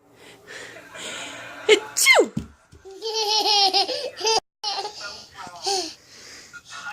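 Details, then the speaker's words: Simulated sneezes: a person prompted to "say achoo" makes exaggerated imitation sneezes, a sharp burst and a high squeal, mixed with laughter and talk; fake sneezing. "what do you want you want to do it can you sneeze okay say achoo achoo"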